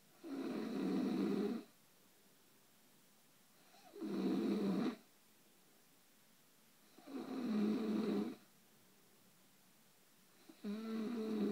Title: My snoring wife